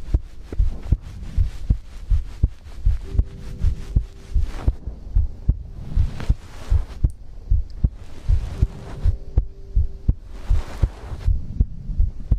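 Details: ASMR recording of a person's own heartbeat for sleep: steady deep thumping, about 80 beats a minute, with a soft hum between beats; an ordinary heartbeat.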